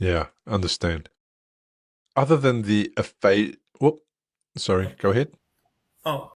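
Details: Adult man speaking; ordinary speech.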